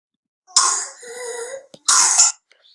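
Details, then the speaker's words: Child with pertussis (whooping cough): harsh cough burst, then a long high-pitched whooping in-breath, then another cough, as the child struggles to breathe. "e and when he does breathe you get that high whoop sound and that's the the whoop sound that i mentioned earlier which is how uh pertussis is also known as whooping cough"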